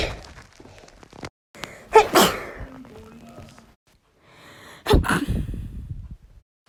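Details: Two sharp, explosive natural sneezes from a female, each preceded by a quick inward breath, with room noise and handling sounds around them: sneezing.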